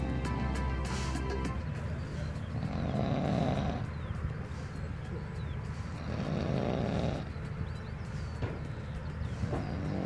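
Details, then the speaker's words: Very loud snoring by a man sleeping at an outdoor music festival: two loud, rough, rumbling snores about four seconds apart behind brief music and crowd noise. "there's some dude properly going for it his snoring is head off"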